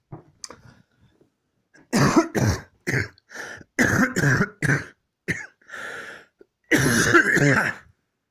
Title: Coughing fit